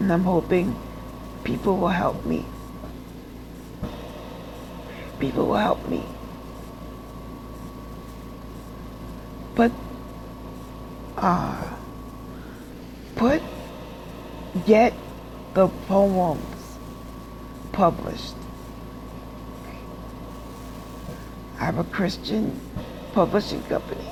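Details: Adult woman with aphasia after a stroke, still in speech therapy, who reports sometimes producing gibberish, speaking backwards and mixing up words, speaking from nursing-home rehab; aphasia.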